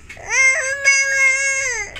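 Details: Infant boy crying, possibly wanting his mother: a sustained, clear, high-pitched wail with a steady pitch; ordinary crying.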